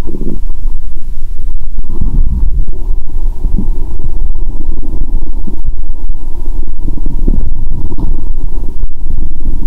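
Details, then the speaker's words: Bowel sounds (borborygmi) heard by stethoscope after drinking cola with Mentos, after a toilet trip: loud, continuous low rumbling and gurgling of gas and fluid; sound said clearer without pressing the stethoscope hard. "Bạn có thể nghe thấy âm thanh của dạ dày ngay cả khi ở gần tim. "Tôi sẽ ấn mạnh ống nghe và nghe ♪". Bạn có thể nghe thấy âm thanh tốt hơn nếu bạn không nhấn mạnh."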